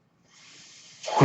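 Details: Real recording of a podcast host's own mechanical ventilator heard during speech: a soft airy hiss builds, then surges into a louder rush of air, the ventilator breath cycle. Mechanical ventilator breath sounds.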